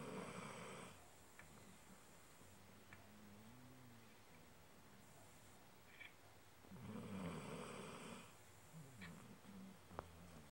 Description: my dog snoring. too cute.